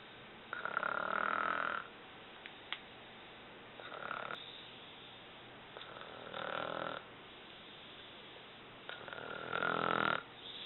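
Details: Mother recorded asleep: four loud, buzzing, rattly snores recur every few seconds with quiet pauses, against faint room hiss; snoring.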